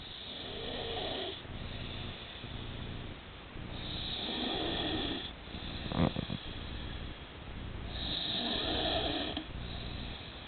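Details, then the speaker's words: Woman snoring: loud, rasping snores on each in-breath, about three in ten seconds, with quieter breathing between them; ordinary snoring. "enough noise to waken the dead."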